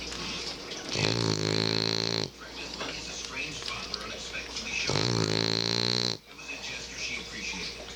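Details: French bulldog snoring loudly while asleep in the dark: two loud, rattling snores a few seconds apart with quieter snuffly breathing between.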